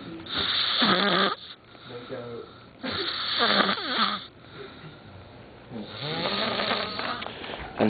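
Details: A person snoring while on holiday in Myrtle Beach makes loud, harsh, fluttering snores about every three seconds, roughly 20 breaths a minute: snoring.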